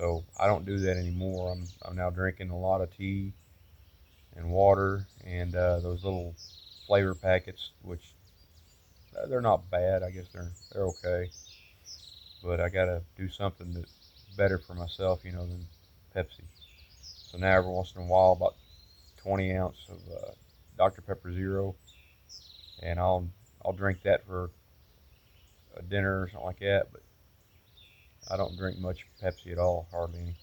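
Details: Adult man with post-stroke aphasia (word-finding difficulty) about eight to nine months after a November stroke that also weakened his right side; he must stop and wait for words, worse when frustrated, getting a lot better.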